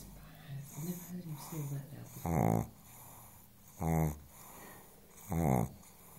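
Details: Pug fast asleep on the sofa snoring: three loud, rattling low snores at about 40 a minute, with quieter snuffling breaths between them.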